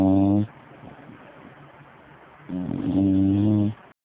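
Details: Two loud, low buzzing snores, one on each breath in, with a quiet pause between them; ordinary snoring.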